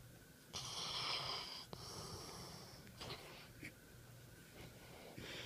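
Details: Dog with loud, hissing, slightly whistling mouth breathing and snorty, snoring-type sounds; noisy mouth breathing.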